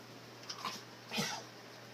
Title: coughing upon waking.... Then not coughing and playing normally. Not coughing at night